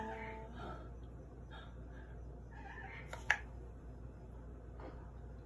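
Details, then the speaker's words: Happy, content baby parrot with a full crop after dinner, perched with one leg pulled up; hiccups. "hiccups having these hiccups love you baby birdie hiccups baby birdy hiccups his crop is full"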